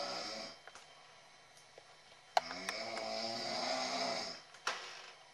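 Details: Adult father snoring after a Labor Day weekend: two rattling, raspy breath sounds in a quiet room, the second longer; snoring.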